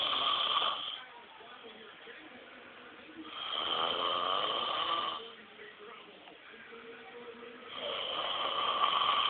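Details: Snoring: loud, rasping snores recurring about every four seconds, roughly 14 a minute, with quieter breathing between them.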